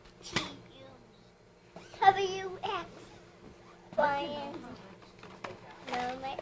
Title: singing featuring her hiccups..lol